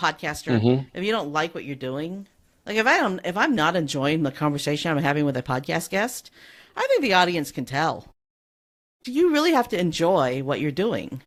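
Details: Adult woman speaking; normal speech.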